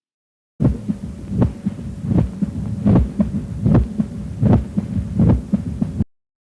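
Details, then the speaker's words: Three-part quail rhythm of mitral stenosis: loud snapping first sound, normal second sound, mitral opening snap; spreads from the apex upward and into the axilla. "область распространения ритма перепела обширно от верхушки сердца вверх и в подмышечную ямку давайте послушаем как звучит ритм перепела"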